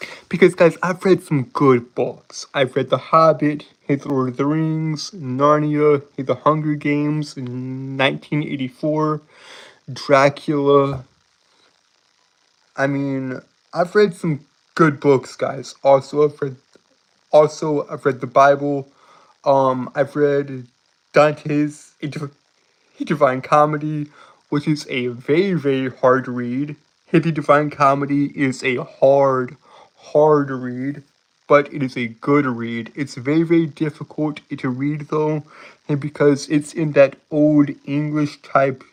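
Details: Adult man, a live streamer, who reports a speech impediment that makes him stutter and trip over his words; stuttering.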